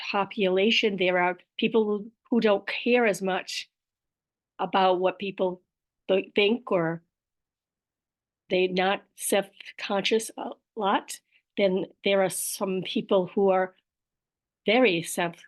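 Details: Aphasia with apraxia of speech, described as a motor planning disorder, in an adult woman.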